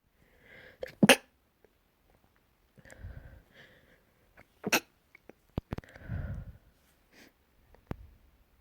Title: Frustrated and let out sneezes